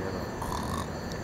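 A brief, rough, low rattling snort, a playful imitation of snoring rather than real sleep snoring.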